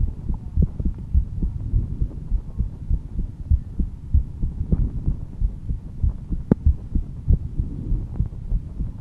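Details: Adult heartbeat at rest, described as slightly calm, audio only: soft, repeating low thumps at an unhurried pace under a muffled hum.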